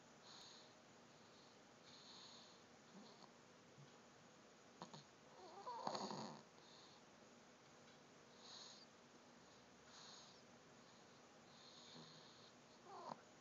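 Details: Light snoring: soft, faint snoring breaths about every two seconds in a quiet room, with one louder snort midway.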